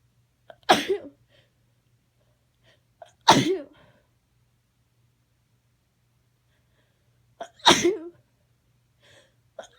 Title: cold sneezes with a some nose blowing at the end